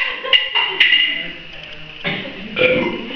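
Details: Several brief voiced belches, a couple drawn out, from friends in a burping competition; ordinary burps.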